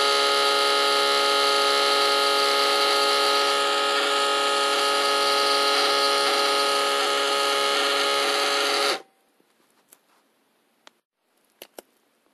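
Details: Steady motor whine of a cuff pump inflating for about nine seconds, then stopping with a few faint clicks, recorded as a sound effect; automatic blood pressure monitor cuff inflation.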